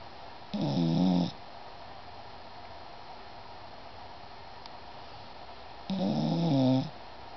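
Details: Two loud buzzing, rattling breaths about five seconds apart over low room hiss; snoring.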